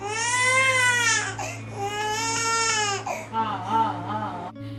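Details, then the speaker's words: Infant, possibly about 4 months old, with a severe stomach ache and cramps about every 15 minutes at night; at first thought hungry. Loud, high, sustained wails in repeated bouts with sobbing breaths; background music and hum. "But उसके बाद every 15 minutes में को pain start होने लगा था और हमें लगा कि शायद भूख लग रहा है उसे वो दूध मांग रही है"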